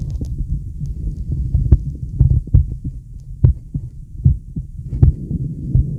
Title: Male heartbeat sound + deep breaths